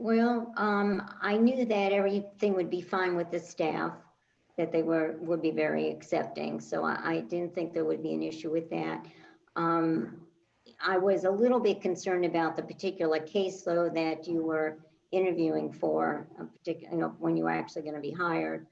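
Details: Adult woman speaking; ordinary speech.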